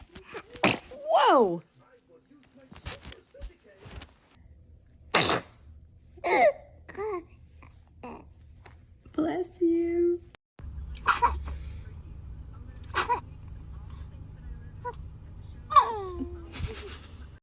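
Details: Baby sneezing: several small, sharp infant sneezes with adults laughing and saying "bless you" in between; ordinary infant sneezing.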